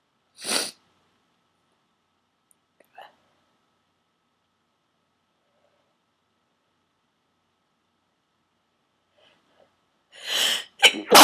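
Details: Induced sneezing (plastic garment tag holder used to trigger it) in a run of 16-17 forceful sneezes: two forceful sneezes separated by a long quiet gap with faint sniffs, then a strong sneeze and a quick second burst; eyes streaming, nose raw.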